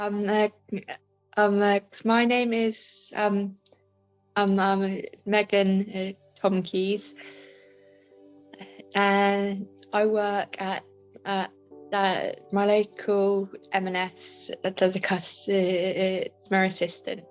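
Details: Woman with a stammer since about age five, with filled pauses and repetitions; stammering.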